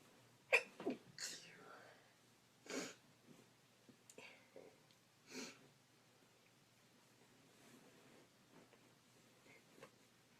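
A few quiet, sharp bursts of air with soft breathing in a small room, consistent with induced sneezes.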